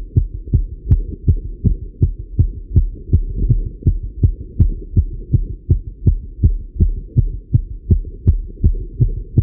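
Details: Male heartbeat recorded while riding a bike: a strong, regular beat at roughly 160 a minute with a soft steady hum behind it; a fast but normal rate during exercise.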